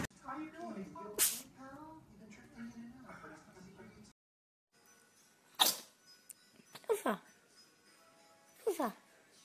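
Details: Cat sneezing: several short, sharp sneezes, heard after a stretch of talk and music.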